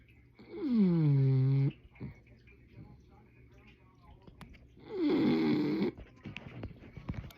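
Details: Loud, drawn-out snoring from a bulldog: two snores about four seconds apart, each rising in tone at the start.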